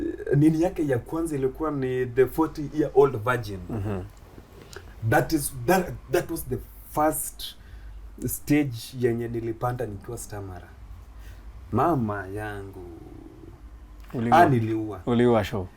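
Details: Stuttering (stammering) in an adult Kenyan male comedian who began stammering in school; he finds plosive sounds especially difficult and shakes his head when he stammers.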